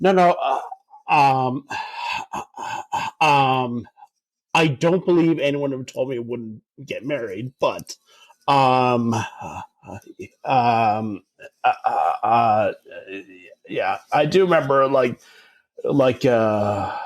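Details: Adult man who stutters, in conversation; filled pauses and word repetitions heard; stuttering.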